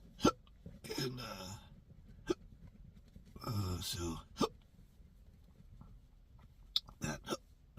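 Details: Intractable chronic hiccups since December 2015 after a bad surgery outcome: sharp, abrupt hiccups break into speech repeatedly, about five in eight seconds.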